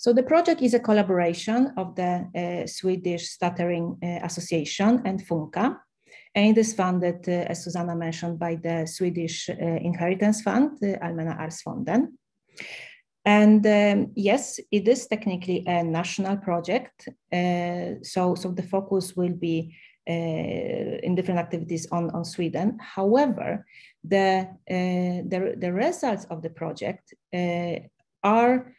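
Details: Adult woman speaking; ordinary speech.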